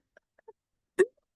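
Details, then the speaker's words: A cat sneezes in the background during a presentation: a few faint soft sounds, then one sharp, brief sneeze. "Um the reason I use Procreate is because it's Oh, sorry. You can hear my cat sneezing."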